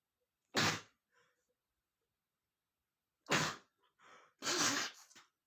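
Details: Adult male sneezing powerfully after sniffing red peppers: three loud, explosive sneezes with short breaths and sniffs between them, in a quiet room. Sneezing.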